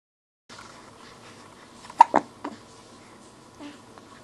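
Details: Hiccups: a few short, sharp catches in a quiet room.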